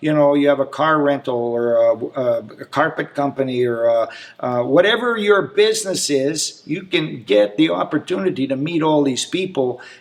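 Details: Adult man speaking; ordinary speech.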